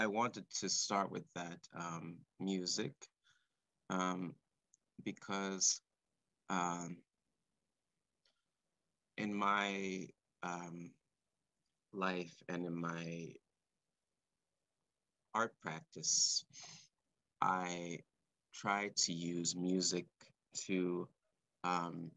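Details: Male composer who has stuttered since about age four or five, speaking live; he describes his stuttering as blocks and repetitions; stuttering.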